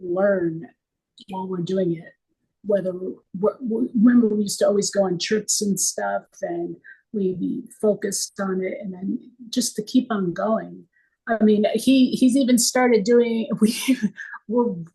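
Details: Aphasia caused by stroke in a woman 24 years after the stroke.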